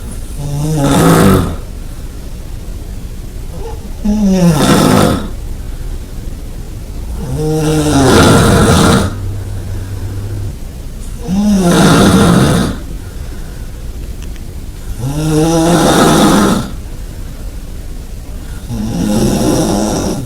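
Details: Person's own snoring recorded about 20 cm away in a shared bed: loud, regular, rasping snores with each breath in, about 16 a minute, quieter breathing between; heavy snoring.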